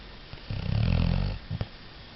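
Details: Sleeping overweight beagle: a single low, rumbling snore about a second long followed by a brief snort; snoring.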